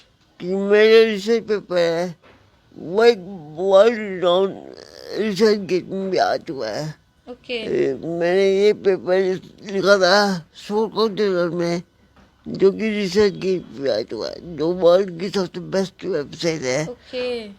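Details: Adult man with cerebral palsy; dysarthria (cerebral palsy).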